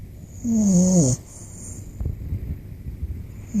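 One loud, tonal, whistling snore from a sleeping puppy, then quieter noisy breathing.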